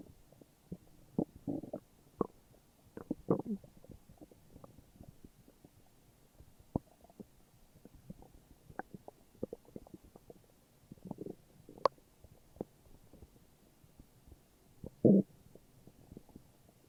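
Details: Morning stomach growling: soft gurgles, squelches and rumbling bursts that come and go irregularly; ordinary borborygmi.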